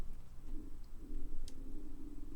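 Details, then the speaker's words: Stomach rumbling (borborygmi) from hunger near lunchtime: a low, drawn-out gurgling growl with a cooing quality, rising and falling over about two seconds. "That's my stomach. I do apologise. Apparently I'm very hungry."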